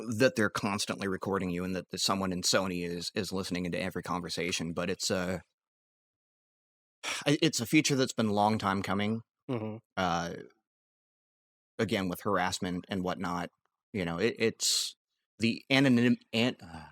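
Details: Adult male podcast co-host with a recurring stammer he acknowledges himself, speaking during a disfluent stretch; stuttering (stammer).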